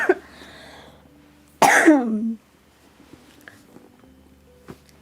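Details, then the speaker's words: A single abrupt cough from an adult while talking, with faint jazz/piano music and room noise behind it. "Maybe I just cough a lot when I'm talking now."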